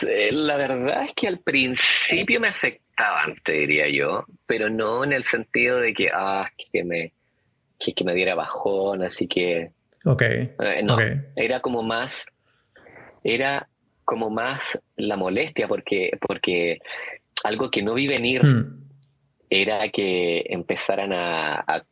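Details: Adult man, a Chilean psychologist, who has stuttered since childhood, noticed by age 12, persisting into adulthood, speaking Spanish; stuttering.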